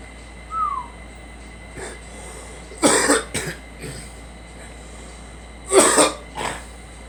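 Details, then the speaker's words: Girl with a cold, in a vehicle: two bouts of harsh coughing, each a loud burst with a smaller follow-up, over steady vehicle noise. "It's the Cold is kicking my ass today."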